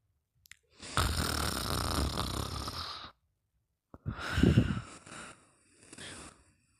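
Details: Snoring during sleep: two loud, rough snoring breaths with a softer sighing exhale, no clear wheeze.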